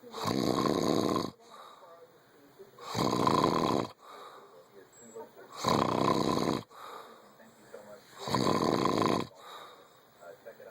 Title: I don't snore.. but you do!!!! ;-)